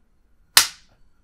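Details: Retired professional dancer with chronic left shoulder clicking, chiropractic adjustment of the spine between two spinous processes: a single sharp snapping click with quick decay from an Activator adjusting instrument firing.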